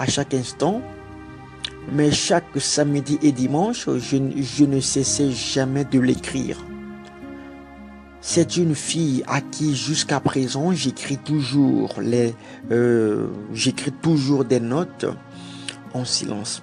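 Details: Stuttering in a French-speaking adult man who grew up with a stutter and followed therapy for several months as an adult; he says he still stutters occasionally while speaking here.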